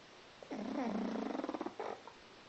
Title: our buddy snoring